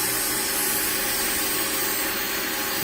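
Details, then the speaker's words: Rotary burr grinder flattening thick, uneven calluses on the bottom of an adult man's foot, speed lowered for vibration discomfort: steady high-pitched whirring and gritty hiss. "okay so i'm just gonna grind this down though a little bit more work to do i'm here gonna flatten out the uh"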